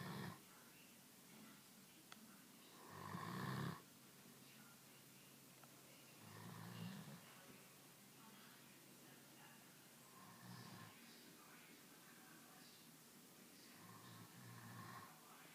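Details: Snoring during sleep: soft, low rumbling snores with each breath, about 18 a minute, over quiet room noise; ordinary snoring heard every day.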